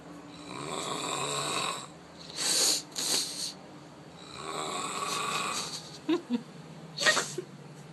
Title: Snoring... hilarious!